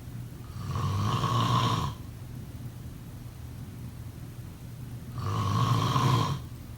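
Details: Two long, low, rattling inspiratory snores about five seconds apart, with quiet gaps between: ordinary snoring during sleep.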